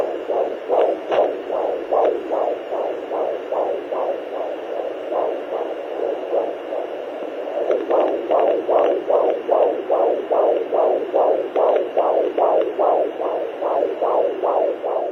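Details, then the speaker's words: Fast, rhythmic whooshing pulses at about 145 a minute from a Doppler probe, shared during the pandemic; normal fetal heartbeat. "So I wanted to share this lovely sound. This is a sound that's been giving me hope. So lovely to think that even in a pandemic, there's new life growing."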